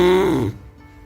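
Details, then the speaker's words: Snoring; frequent snoring with breathing pauses and morning tiredness may indicate sleep apnea. "Ronca é uma coisa tão comum, né? Todo mundo conhece alguém, tem alguém na família que ronca e geralmente a gente deixa p batido ou vira só um motivo de piada entre amigos ou entre familiares."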